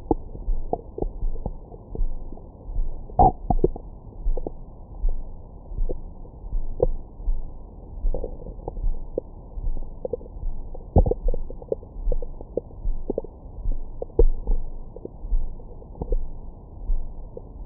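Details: Bowel sounds recorded with a Stemoscope stethoscope microphone on the belly after a large meal: frequent soft gurgles and brief squeaks over a low rumble, normal active bowel sounds.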